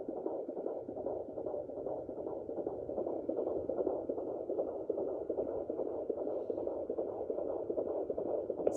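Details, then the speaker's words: Fetal heartbeat in early pregnancy on a Sonoline B home Doppler, probe moved slowly low on the belly: a rapid, steady whooshing gallop at about 150 beats per minute, like a horse running; the active baby is quickly lost. "see how it sounds like a horse running"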